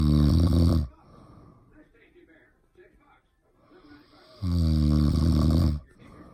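Two loud, buzzing snores with a quiet breathing pause between them.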